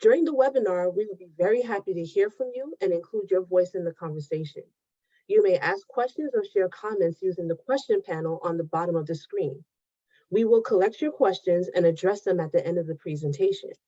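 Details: Adult woman speaking; Normal speech.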